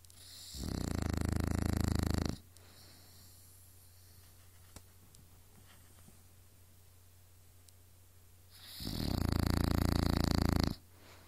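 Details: Woman snoring in sleep, unaware she snores: two long, loud, rattling snores about eight seconds apart, with quiet room hum between.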